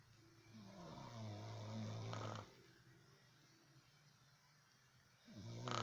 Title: Mom snoring